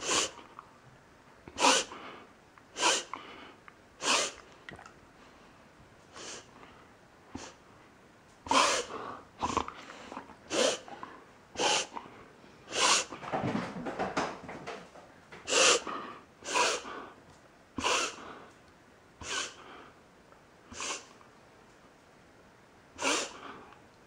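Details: A 7-year-old dog, filmed for the vet, with repeated sharp nasal snorts during episodes occurring on and off for several months, always at rest; letting him swallow doesn't help; owner is reminded of reverse sneezing; paroxysmal snorting.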